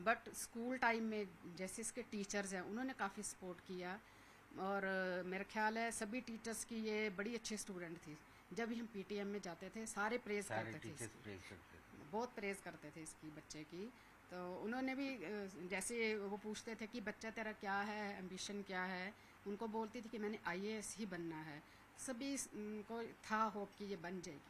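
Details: Adult woman speaking Hindi; normal speech.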